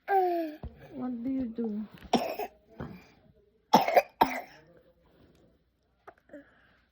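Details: Infant who woke up with a runny nose and cough: an infant's voice, then several short, wet coughs in a quiet room; cough with a cold.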